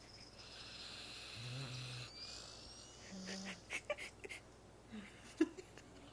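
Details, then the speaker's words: Two low, rumbling snores from a sleeping dog over steady room hiss, then soft clicks and snuffles; dog snoring. "Oh, we woke her up. She's still fucking snoring. She's snoring with her eyes open."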